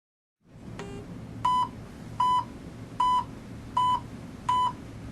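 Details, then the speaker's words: WHO pulse oximetry instruction for anaesthesia: after a start-up tone, steady high beeps about 78 a minute as the oximeter sounds each detected pulse beat once the sensor is positioned. "ajuste el volumen del bip audible del pulso a un nivel confortabl"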